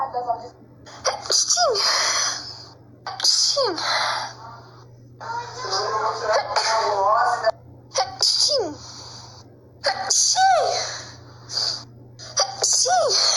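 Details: A run of about six sneezes from a person in Brazil who says it had been a long time since they last sneezed; each has a rising in-breath and a voiced "achoo", over a steady background hum.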